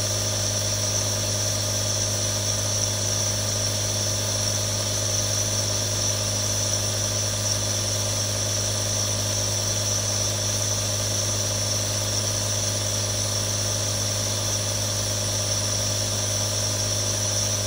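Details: Real recording of three different nebulizers for relaxation ASMR: a steady motor hum with constant airy hiss, unchanged throughout, a nebulizer running.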